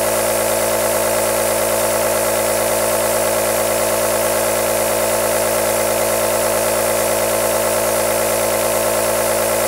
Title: AEROSOL Nebulizer Sound | 10 Hours White Noise - Black Screen | Calm, Relax or Sooth a Baby